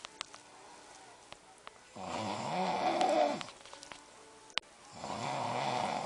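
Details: Adult man snoring in sleep at night: two loud, rough, rattling inspiratory snores separated by quiet breathing, with faint television sound and clicks.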